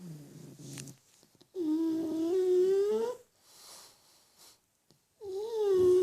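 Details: Really loud snoring from a sleeping black pug, with another pug also asleep.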